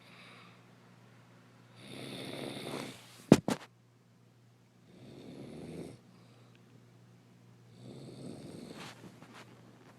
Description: My wife snoring!!!! Wtf!!